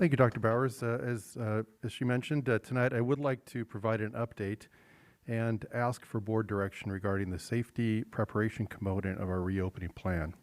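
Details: Adult male speaker; typical voice.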